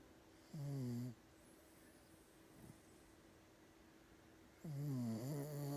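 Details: Dog snoring loudly: two low, rattling snores several seconds apart against a faint steady hum during sleep.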